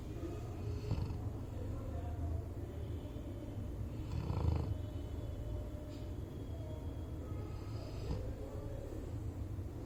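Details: Ordinary snoring in a sleeping black Labrador: low rumbling snores rising and falling with each breath, about 17 breaths a minute, over steady room noise.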